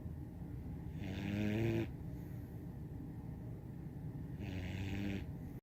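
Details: 17-week-old German Shorthaired Pointer puppy sleeping in a yoga-like pose snores: two long, low, buzzing snores with quiet breathing between, slow steady pattern; snoring during sleep.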